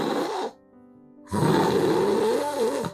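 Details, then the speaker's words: Adult imitation of a harsh, sucked-in snore caused by the tongue rolling back when lying asleep, typical of people with a large tongue; snoring from tongue falling back. "아주 빨려 들어가는 소리가납니다 이런 경우는 혀가 큰 사람들입니다"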